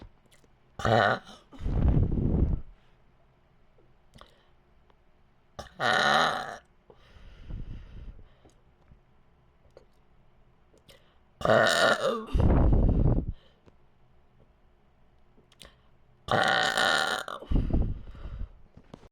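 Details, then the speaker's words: Deliberate belching after swallowing air: four loud, long, voiced burps, some drawn out, separated by quiet pauses while air is brought back up. "there we go there's a big one okay wait kind of here it oh that one wasn't smooth"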